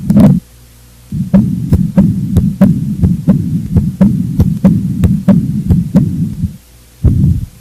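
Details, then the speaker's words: Heart murmur from a valvular lesion: sharp, regular heart sounds with a continuous low rumbling noise between them, from turbulent blood flow in cardiac auscultation teaching. "os outros são vibrações decorrentes de alterações do fluxo sanguíneo viscosidade e turbilhonamento que ocorrem principalmente nas lesões valvulares"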